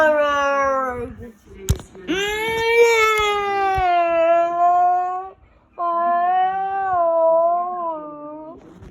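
Sustained high-pitched wailing cries in long bursts with brief pauses, an infant-like cry.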